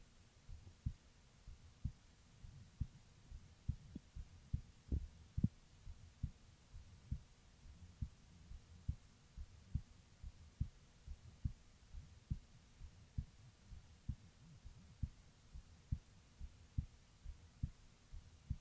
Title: Female heartbeat recording